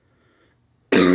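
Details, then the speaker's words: Almost-17-year-old male with a persistent cough, possible bronchitis (self-suspected): a single sudden, forceful cough after a brief quiet moment. "his cough I have I was coughing the whole last video and just just wasn't good I might I might have bronchitis"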